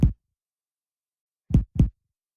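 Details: Abdominal percussion in a systematic route over the quadrants. Dullness is heard, in contrast to the tympany expected over air-filled stomach or intestines.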